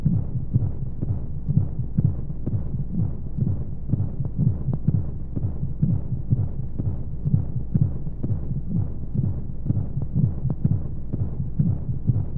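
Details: Womb-sound sleep aid for babies: muffled low thumps at about 125 a minute under a steady whooshing hiss of flowing noise, as heard through the womb; heartbeat.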